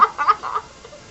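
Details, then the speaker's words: Hiccups in a person who says they have really bad hiccups that make them sound like a chicken; the hiccups are said to get worse and are heard while playing 20 questions. "so I have really bad hiccups and they're like I sound like a chicken"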